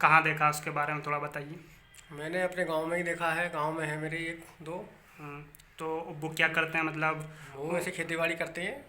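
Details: Two adult speakers in an interview, Hindi; conversational speech.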